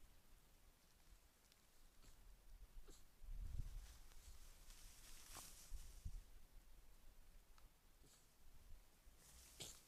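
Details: A red fox caught at night on a camera trap in October: faint, sharp nasal bursts stand out briefly over steady rain and a low outdoor rumble, sneezing.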